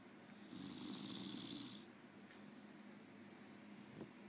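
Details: Snoring in a man after too much drinking: a single rough, rattling snore on the breath in, with a faint hiss, in a quiet room.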